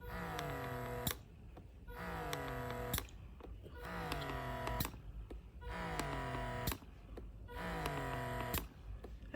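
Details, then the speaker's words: Horigen wearable breast pump in stimulation mode: repeating motor whine falling in pitch, then a click and brief pause, about 32 cycles a minute. "let me try to focus this is just the stimulation mode right honestly with the suction up"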